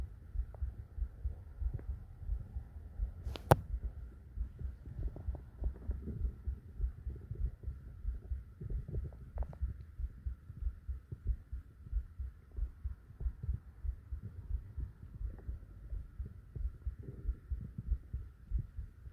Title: Stomach growls and heartbeats to sleep, relax.. or whatever you do